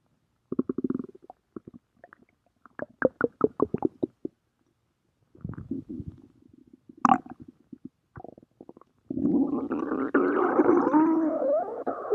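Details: Stomach rumbling (borborygmi).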